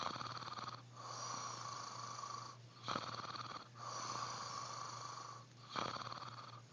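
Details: Snoring of a sleeping adult man, recorded by his wife; he is startled awake at the end.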